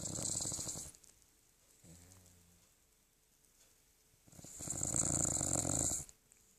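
Two long, raspy, hissing snoring breaths separated by a quiet pause with a faint low grunt; dog snoring in sleep.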